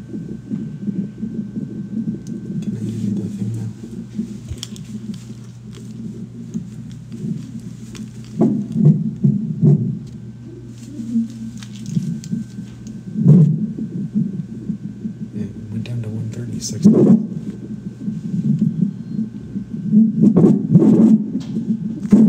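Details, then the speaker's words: Rapid whooshing fetal heartbeat on Doppler, slowing from about 170 to 136 beats a minute while the parents talk softly to the baby. "is it supposed to be 170 beats per minute yeah calm down buddy it's okay"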